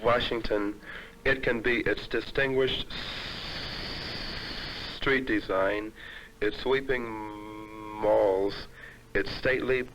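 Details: Adult man who stutters, reading a passage alone with pauses; stuttering.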